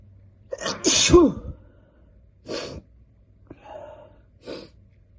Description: I have a terrible cold, so I induced some sneezes. / Some are wet and powerful, some are stifling.